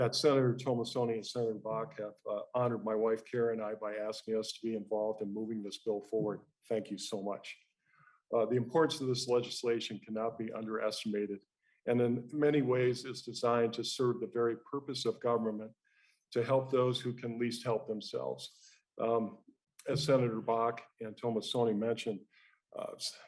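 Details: Dysarthria due to ALS (motor neuron disease) in a man, a former basketball player; first sign was inability to move a finger, initially thought to be arthritis; expects soon to lose breathing and speech.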